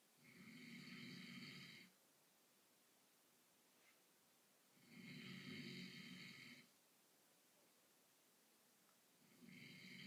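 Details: Harsh, rasping snores on each in-breath, about 14 breaths a minute, with quiet breathing between, from an adult man sleeping after a long day at work: snoring.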